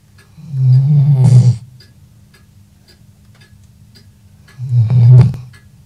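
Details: Snoring during a power-nap after light reading: two loud, low rattling snores a few seconds apart, with quiet breathing between.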